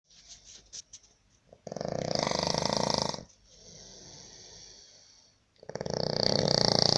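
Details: Sri Lankan man snoring in a labour camp room in Baniyas, Abu Dhabi, UAE, disturbing roommates: harsh, fluttering snores on each in-breath with quieter out-breaths between; loud snoring.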